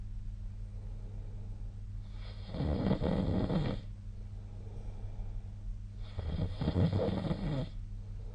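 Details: Two loud, rough sleep snores about four seconds apart over a low steady room hum, recorded with a snoring-tracking app.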